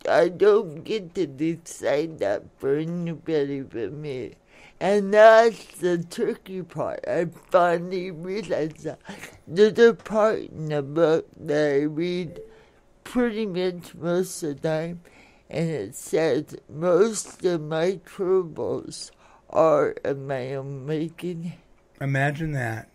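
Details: Adult woman born in 1959 with lifelong cerebral palsy, which she attributes to oxygen being cut off to her brain during delivery, affecting her speech and motor skills; some listeners have difficulty understanding her; dysarthria.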